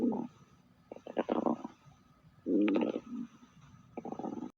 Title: Stomach growl✅✅